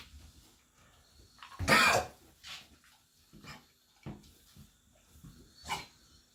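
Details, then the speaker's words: A Labrador gives one loud harsh hacking cough followed by several smaller, drier coughing bursts, kennel cough after several days in boarding kennels; infection confirmed, treated with antibiotic injections. "значит у собаки барьерный кашель жила в вольере несколько дней пока мы были в командировке"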